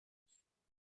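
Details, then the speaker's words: Multiple system atrophy patient during sleep: brief, harsh, strained breath-in noise with a low rough tone, the characteristic sleep-related inspiratory stridor of MSA. "So that's the stridor type. Next. This type of sleep stridor sounds. Inspiratory size you can see now while talking."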